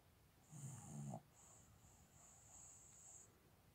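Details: Sleeping dog snoring so loudly it is likened to a tractor: one loud, low rumbling snore on the in-breath, followed by quieter breathing with a faint hiss; ordinary dog snoring.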